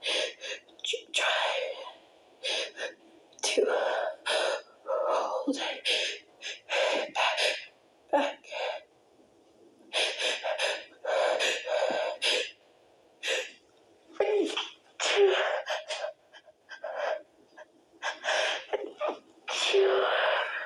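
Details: Series of short, muffled sneeze bursts with gasping in-breaths between them: stifled sneezes, several too strong to hold back and breaking through more forcefully.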